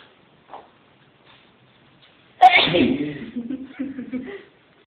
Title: Stupidness & The Massive Sneeze